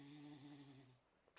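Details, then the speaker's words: A single low, droning snore from a dog, then near silence in a small room; snoring. "dog snoring if you can hear him he's awake any story by breath"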